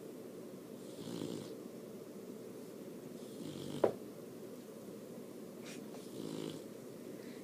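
Soft, rhythmic snoring breaths about every two and a half seconds with a brief snort; a puppy snoring in sleep.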